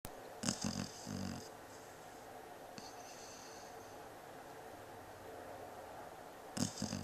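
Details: A sleeping dog gives short, rough snoring sounds at the start and end with steady room noise between; loud snoring that does not wake it.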